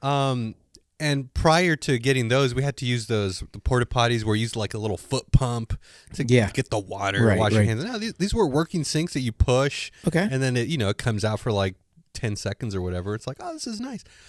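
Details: Adult male speaker; typical speech.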